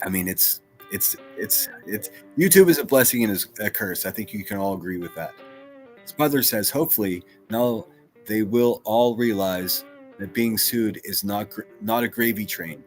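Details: Female streamer who stutters; she says her stutter comes out when she is worked up or nervous; stuttering with repetitions.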